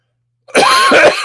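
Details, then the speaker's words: An adult man gives a dry cough during a livestream. He says he only coughs on live streams, seems fine during the day, and saw a doctor about two weeks ago. "i only cough when went on live streams as field guy yeah that's it it seems to be okay during the day"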